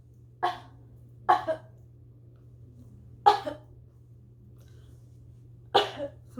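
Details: Four short coughs, most of them double, spaced a few seconds apart over steady room hum, from an adult reporting allergy-season bronchial spasms with weather change, making breathing hard, and who uses an inhaler; cough.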